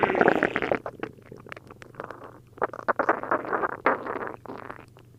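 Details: Loud, bubbling, gurgling abdominal noises with squelchy bursts of liquid moving through the bowel after drinking a liter of milk and a liter of prune juice; prominent borborygmi from an upset stomach.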